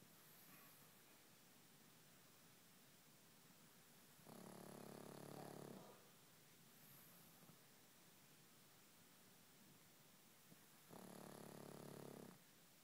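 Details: Sleeping dog giving two long, rough, vibrating snores about seven seconds apart, with quiet breathing between; ordinary snoring.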